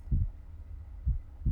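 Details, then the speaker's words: Simulated ASMR school-nurse role-play, stethoscope on the front chest during deep breaths: low, dull, regular heart thumps at about 65 a minute, judged fairly normal. "Okay. Sounds fairly normal and quite good actually."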